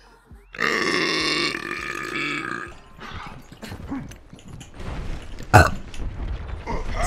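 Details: Female Twitch streamer gives a long, loud, voiced belch lasting about two seconds, followed by laughter and talk; an ordinary burp.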